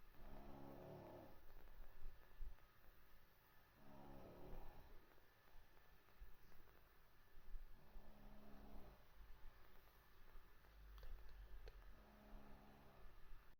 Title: ultimate snoring sound(1)